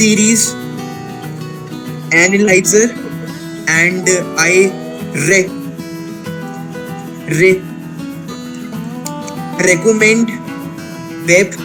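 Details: Stuttering in a male participant of an online session for people who stammer, introducing himself.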